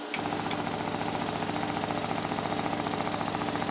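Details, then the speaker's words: 3100A high-frequency oscillatory ventilator on an infant in a newborn center: a brief quiet while the piston is stopped for auscultation, then loud, rapid, steady mechanical buzzing as the respiratory therapist restarts it. "stopping the piston maintains pressure in the circuit and the lungs will remain inflated this will give you approximately 30 to 40 seconds for those present to auscultate"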